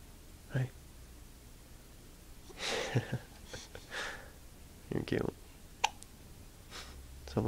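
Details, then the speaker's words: Infant with morning hiccups in a quiet room: several short, abrupt catches in the breathing, irregular and about 27 a minute. Hiccups. "Someone's got hiccups. Oh, yeah, you. But, recording. You got hiccups this morning."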